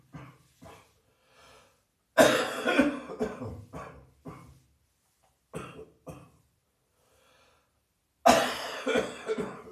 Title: Heavy Chest Cold Night Coughing